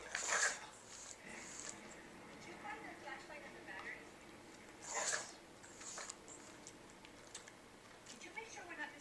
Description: Sophia the pug has a sneezing attack.